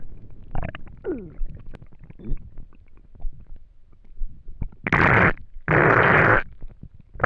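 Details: Gurgling rumbles and squeaks, then two long loud growls from an empty stomach after not eating for a day; normal hunger borborygmi.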